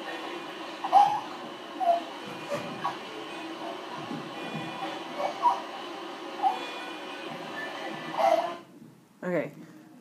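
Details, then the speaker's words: Infant in a pediatric EMT assessment; repeated high-pitched, squeaky noises mostly on inhalation, with retractions visible, attributed to throat swelling in a respiratory disease, apparently croup; stridor. "okay so again it's that noise mostly on the inhale as um something some swelling in the throat"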